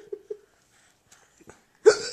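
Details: Mother's hiccups while her baby laughs at each one: short sharp hiccup sounds in quiet, then a louder voiced hiccup at the end; hiccups.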